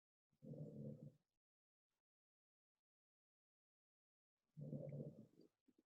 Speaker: you guys hear that noise that is my dog snoring